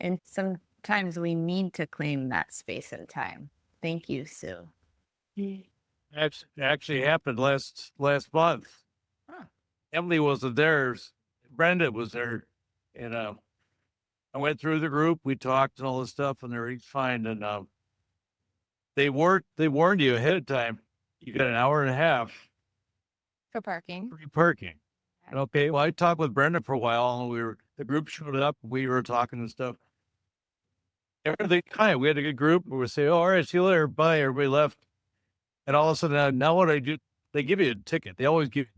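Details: Stroke survivor, aphasia support group member for six years; aphasia.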